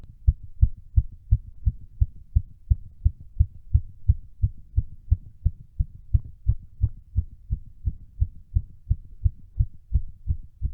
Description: My fastest heartbeat during workout (re-upload).